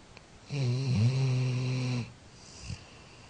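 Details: 13-year-old Labrador dog, sleeping and possibly dreaming, gives a single loud, steady snore of about a second and a half with a low rattling tone; snoring.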